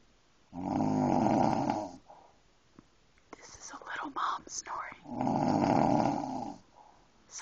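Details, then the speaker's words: "Little mom" asleep: two long, loud, rattling breaths in about seven seconds with a quiet pause and faint talk between: snoring. "a big snore for a little mom scroll over to dad there's Dad back to the little Mom let's give us a snore mom there we go oh"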